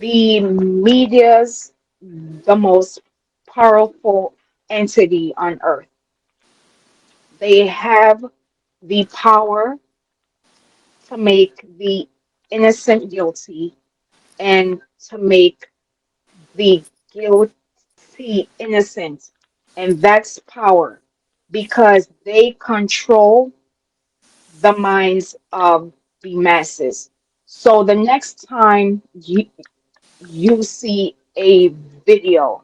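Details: Adult woman with a self-reported speech impediment she calls a "quote unquote disability" and says listeners can hear; dysfluent, halting speech; speech impediment.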